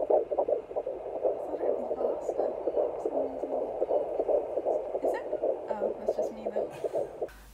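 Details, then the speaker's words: Rapid, regular whooshing pulses from a Doppler at a midwife appointment: a fetal heartbeat that the midwife counted at 134 beats per minute. "the lady counted for us and it was one three four mm-hmm one three four"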